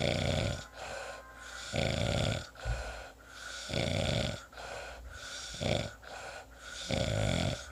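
Loud rattling snores on breathing in, with quieter breaths out, repeating at a fast, uneven rate of roughly 30 a minute: heavy snoring.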